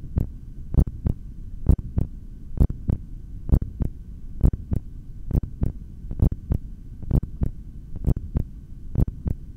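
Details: Normal heartbeat through a stethoscope during a long breath-hold: regular, steady low thumps at about 66 per minute with a faint hum behind.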